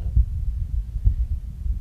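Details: Pulsus alternans heart sounds played through a ThinkLabs digital stethoscope.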